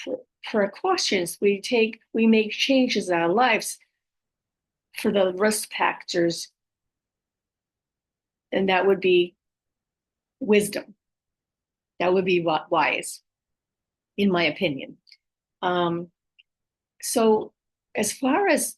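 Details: Adult female with aphasia, apraxia of speech and dysarthria following a stroke, whose speech can be hard to understand; aphasia with apraxia of speech and dysarthria.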